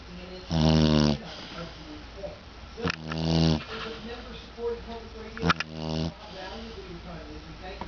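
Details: Dog snoring while lying in his basket snoozing: three loud, low, rattling snores over eight seconds, roughly 23 a minute, irregular, with soft snuffles between.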